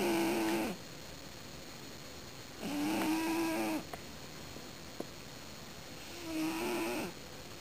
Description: Typical view of Luna on the coach snoring